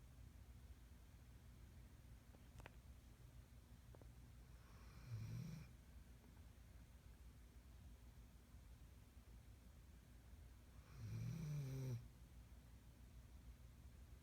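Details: Snoring: two soft, low snores about six seconds apart, roughly ten breaths a minute, over steady background hum.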